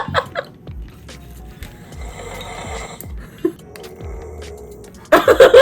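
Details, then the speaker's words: Adult snoring, recorded during sleep the night before and played back: low, rattling snores repeating steadily, with some background noise. "아참 너 잘 때 어제 찍은 거 들려줄까? 코 고는 거? 응. 놀라지 마. 나 코 고는 거? 응. 들려줄게."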